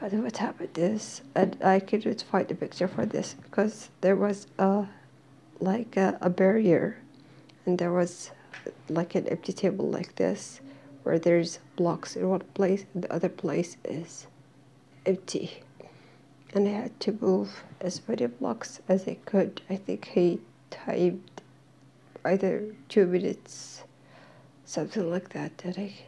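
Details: Dysphonia in a woman who is slowly regaining her voice while attending occupational therapy. She says she is hard to understand.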